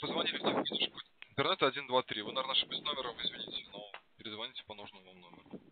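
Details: Adult male speaking Russian over the telephone; ordinary speech.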